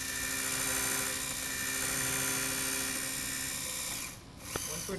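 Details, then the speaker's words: A dental implant drill gives a continuous high-pitched whine that drops briefly near the end. It prepares the osteotomy for a 6 mm, 13 mm-long MIS implant on a W&H Implantmed motor with a drill stopper kit, using in-and-out motions to prevent bone overheating. "it is best the drill with in andout motions to prevent the drill from overheating and burning the bone"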